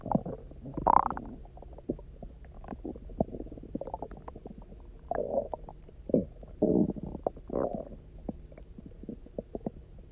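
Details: Person who had eaten almost nothing for 24 hours, then drank a lot of water and lay on their side: loud gurgling, bubbling stomach rumbles with frequent clicks and pops; hunger bowel sounds (borborygmi), a normal finding.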